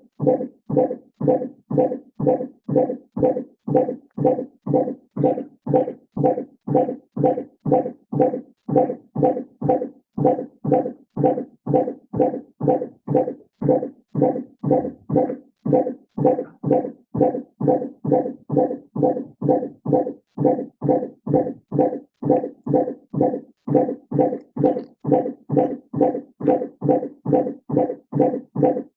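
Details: Intermittent auscultation of the fetal heart in labour: rapid, regular fetal heartbeats. A deceleration over the first 20 seconds recovers to a baseline of 158 beats per minute.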